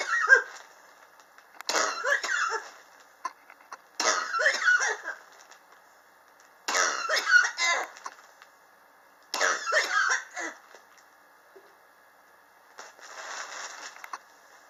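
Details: Chronic cough since summer 2016, still present in 2019, not helped by medicine or home remedies; the patient blames extreme temperature changes in a high-rise building. Five bouts of harsh, repeated coughing with quiet pauses.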